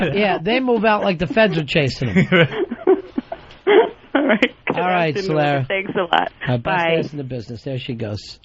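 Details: Adult male radio host; Typical adult male voice.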